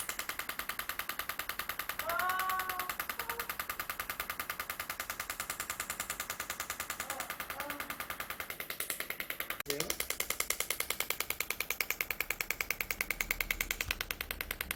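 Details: Extracorporeal shockwave therapy for heel pain and Achilles tendinitis in a female patient, after about twenty earlier sessions without improvement: rapid, steady clicking pulses, a little over three a second, with brief voices in the background.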